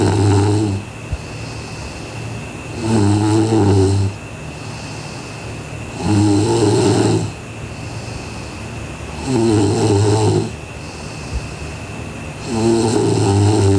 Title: Sleeping Girl Beauty Snoring (BTYMH)